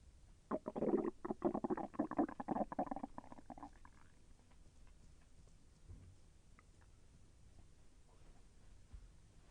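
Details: Stomach sounds during digestion, with intestinal movement felt as slightly painful: a few seconds of rapid, bubbling gurgles fading into quiet; bowel sounds (borborygmi).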